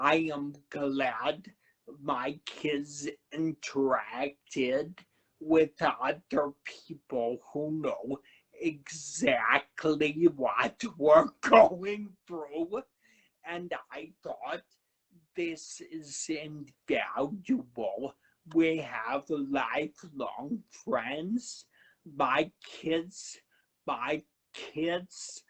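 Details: Adult man who had a cerebellar stroke at age 35, now has a paralyzed vocal cord and aphasia; finding: dysphonia and slow speech after stroke.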